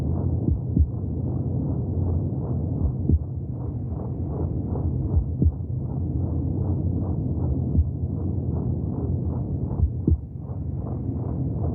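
Steady whooshing pulses at about 150 a minute under a low rumble: a fetal heartbeat heard through the womb.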